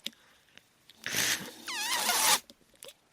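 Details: Speaker's own mechanical ventilator cycling, heard while they talk on a podcast.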